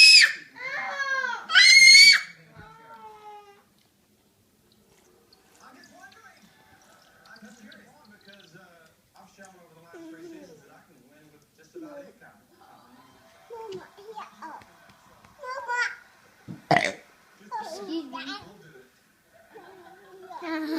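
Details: Gassy infant being burped: loud high-pitched wailing cries at first, then softer fussing and whimpers with occasional sharp cries; infant crying.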